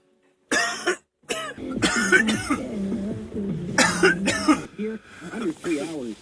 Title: My boyfriend coughing compilation #2